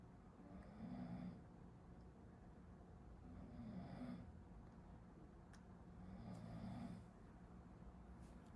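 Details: Person sleeping behind a medical student who is studying, heard in a study-with-me recording: three low, rattling snores on breathing in, about every 2.8 seconds, faint behind room hiss; snoring.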